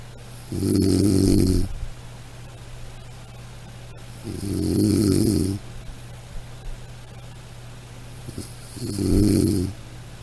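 Loud rattling snores on each breath in, about 16 a minute, with quiet pauses between and a steady hum behind.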